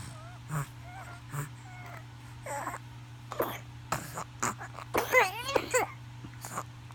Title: Pertussis cough and wheezing 1